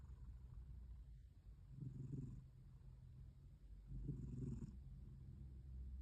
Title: Her gentle snores are rudely interrupted